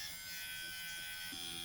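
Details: Dr. Pen electric microneedling pen on the face at lowest needle depth and slowest speed: steady high buzzing motor hum, like a small electric razor, throughout; electric microneedling pen running on skin.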